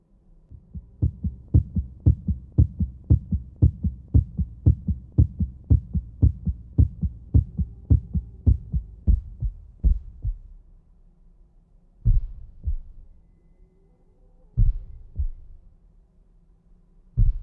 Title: sonido de latidos del corazón ❤️❤️❤️